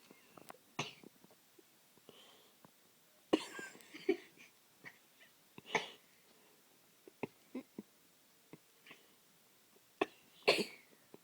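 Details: Boy sneezing on command: a quiet room with scattered clicks and rustles, broken by sharp bursts of air and a forceful sneeze near the end.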